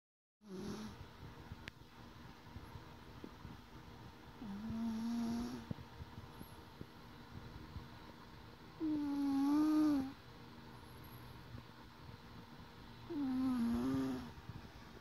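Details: Gentle snoring from a sleeping cuddler at close range: three soft, low, buzzing breaths spaced several seconds apart over a quiet room hum.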